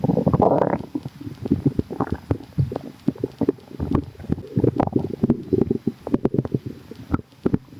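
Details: Stomach rumbling (borborygmi): continuous low gurgling and rumbling from the abdomen with frequent short pops and bubbling.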